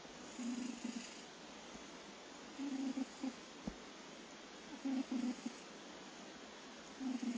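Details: Sleeping cat snoring: soft, buzzing snores in short bursts over a low room hiss.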